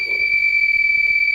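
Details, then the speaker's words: LVAD controller alarm during a controller swap after the driveline is moved to the backup controller: steady high-pitched continuous tone, alarms on both controllers until alarm silence is pressed. "you're going to get alarms on both controllers just hit the alarm silence button so you're now on the backup controller"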